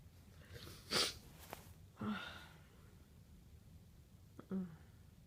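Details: Two wet, forceful sneezes with a catching intake before each, then a softer noisy exhale of nose blowing; traces of sneezing (chhinkni) powder are on the handkerchief; sneezing.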